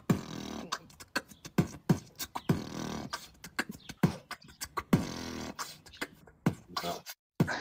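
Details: Improved beatboxing in a 24-year-old patient with orofacial hypotonia, after a few weeks of daily oral-motor therapy using beatbox.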